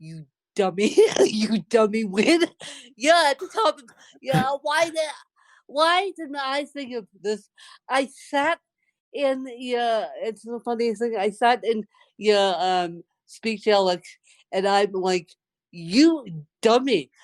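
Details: Woman born with cerebral palsy, speaking in conversation; dysarthria (cerebral palsy).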